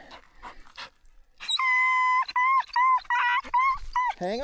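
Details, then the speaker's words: Dog Remy's sharp, high-pitched yelps, repeated about five times over rustling brush, ending in a falling whimper, while being freed from something that hurts: pain yelping. "Gosh, you were screaming in my ear. I don't blame you, it hurts. Oh, poor Remy."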